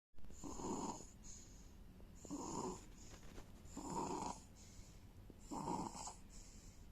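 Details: Infant (newborn) in deep sleep: four regular noisy snoring breaths with a soft airy hiss between them, about 35 a minute, in a quiet room.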